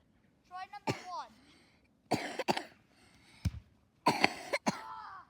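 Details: A brother repeatedly coughing outdoors during free kick attempts: a run of about six short, sharp coughs in quick clusters, with brief voiced sounds and outdoor noise between them; repeated dry coughing.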